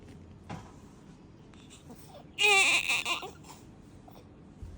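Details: A newborn baby girl gives a brief, high-pitched cry burst of about a second in a quiet room, then quiet fussing; an ordinary newborn cry.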